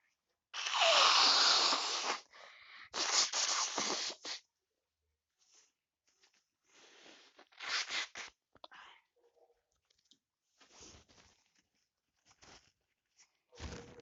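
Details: Person with a cold after sleeping with the window open, sneezing: a run of sharp, forceful bursts, several loud then smaller ones.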